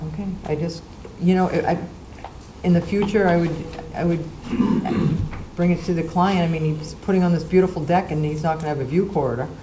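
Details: Adult speaker; ordinary speech.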